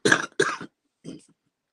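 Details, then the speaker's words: Adult man coughing during a live stream, saying he sounds gross: two quick rough coughs, then a softer throat-clearing cough. "okay next time I cough I'm turning on the mute it's disgusting coughing up a lung would be YouTube Gold"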